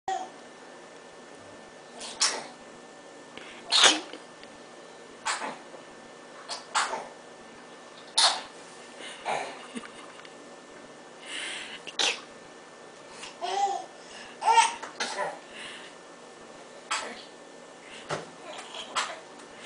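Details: Young boy fake sneezing and coughing for fun: a dozen or more short, sharp, hissing sneeze bursts with a few coughs mixed in.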